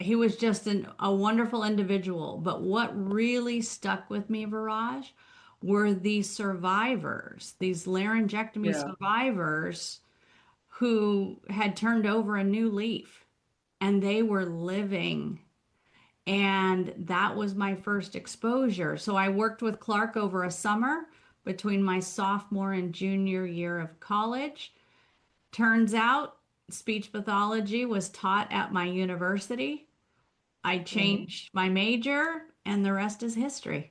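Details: Adult woman; typical speech.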